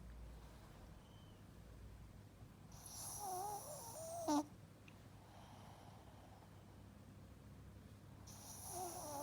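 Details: Pug (short-nosed dog) sleeping in a quiet room, snoring loudly: a few loud rattling snorts and a nasal whistle.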